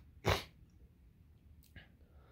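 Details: Simulated, acted scenario of a male sneezing in a dusty, long-unused tent: one short, sharp sneeze-like burst in a quiet space, followed by faint rustling; sneezing.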